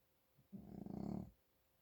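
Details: A single low, rattling, fluttering snore on inhalation with congested nasal quality, from an adult man snoring due to congestion.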